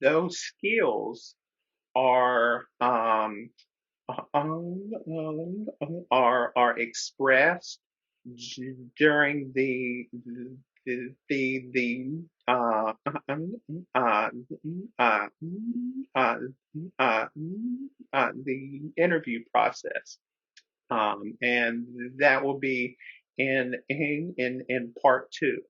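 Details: Real stuttering in a man who is a person who stutters, speaking as a webinar co-host; repetitions, interjections and pauses are heard; stuttering.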